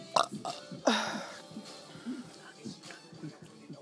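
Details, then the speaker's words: Loud, rough, gurgling belch followed by quieter voiced sounds during a belching contest among friends; ordinary burping. "oh my god okay we're gonna do a biggest belch contest back that's your turn"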